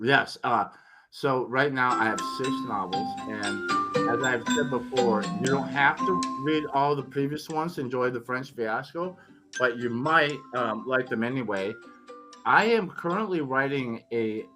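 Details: Adult man recovering from tongue cancer after chemotherapy and radiation, tongue still somewhat swollen, previously unable to speak for a while; articulation impairment after tongue cancer treatment.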